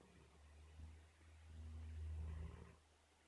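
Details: Sleeping Bernese mountain dog: soft, low rumbling snore over one or two drawn-out breaths; ordinary snoring.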